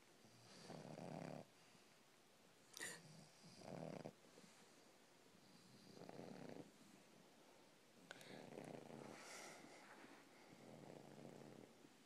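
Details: Soft, rasping snores recurring roughly every two to three seconds from a sleeping English Bulldog; typical flat-faced dog snoring.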